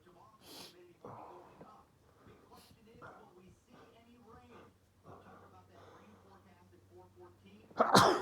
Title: more allergy sneezes nose blowing. m